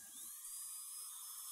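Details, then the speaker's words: Dental handpiece with a finishing diamond whining steadily, removing heavy blue contact spots and sharp incisal line angles to give harmonious occlusion after Lumineers veneer placement, preventing fracture. "start removing the heavy blue spots because you want to have a harmonious protected occlusion not sharp line angles on the incisal edges"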